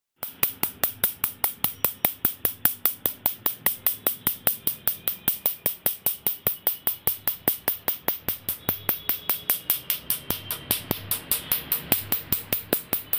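Sharp, regular snapping clicks at about one per second, the pulse sound of a tattoo removal laser firing on skin.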